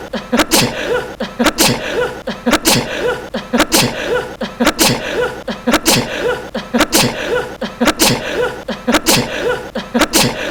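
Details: Looped sneezes of a young man (2018), short sneeze bursts at a steady rhythm of nearly one per second with some breathy laughter; ordinary sneezes.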